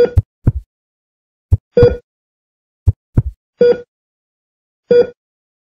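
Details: Sound effect of a hospital heart monitor for video editing: short tonal beeps mixed with soft, somewhat uneven heartbeat thumps.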